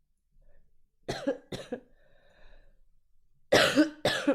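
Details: Coughing from a streamer who says they are really sick with a sore throat: four short harsh coughs in two pairs, with a faint background tone.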